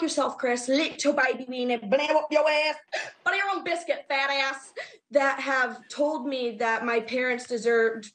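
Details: Involuntary vocal tics with coprolalia (cursing) during speech in a young female with Tourette syndrome.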